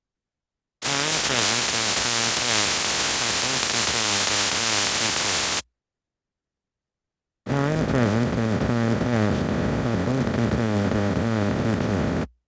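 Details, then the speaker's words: Simulated auditory neuropathy spectrum disorder: a read sentence plays, smeared under dense static so the words are hard to make out. "it simulates a the severe neuropathy and then a more moderate one, eventually a milder one, and at the end we'll hear the sentence uh just clearly in quiet. Just to give you an idea of uh what individuals with auditory neuropathy spectrum disorder may hear when they're listening to speech."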